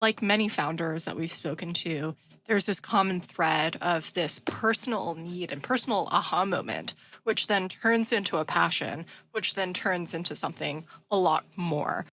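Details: Adult speaker; Typical voice.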